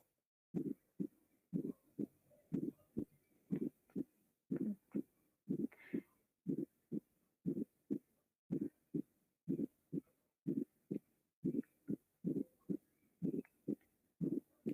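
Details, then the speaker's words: Regular heartbeat near 60 a minute with an extra low thud at the end of diastole, just before each first sound: a fourth heart sound, an atrial (S4) gallop. "es conocido como el galope auricular o proto sistólico tiene la misma duración que el tercer ruido"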